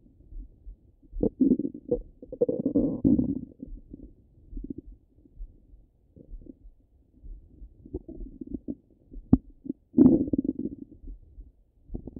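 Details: Stomach rumbling: irregular low gurgles and rumbling bursts coming and going over a quiet background; ordinary bowel sounds.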